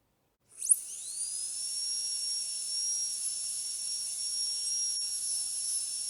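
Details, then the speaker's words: High-speed dental drill in a metal-ceramic full veneer crown preparation demonstration on tooth 46 (lower first molar): a high-pitched whine rises to a steady scream while removing the enamel islands left between the occlusal depth cuts. "So the next step is to take away the islands of enamel that are remaining in between the depth cuts that we have made."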